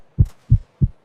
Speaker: I am checking my heartbeat.